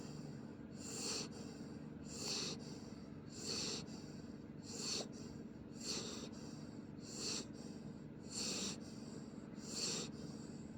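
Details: Soft, regular snuffling snore from a sleeping pit bull puppy, about 47 breaths a minute, with a steady background hum; snoring.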